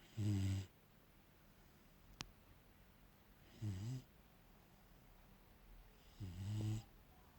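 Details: Three low, soft, rumbling snores about three seconds apart from a sleeping Labrador–German shepherd mix puppy; ordinary, harmless snoring.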